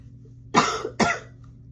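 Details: Cough from a person who says they are sick: two short, loose coughs in quick succession in a quiet room.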